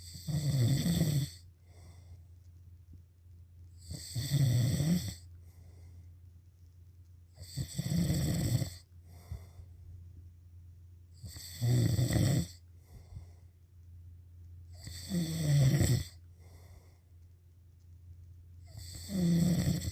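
Loud, low, rattling snores repeat about 16 times a minute, each on the in-breath, with quiet breathing between them.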